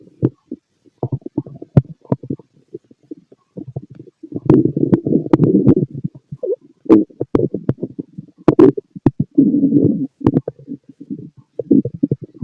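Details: Stomach growling from a fit male heard through a stethoscope: frequent low gurgles and bursts of rumbling; active bowel sounds.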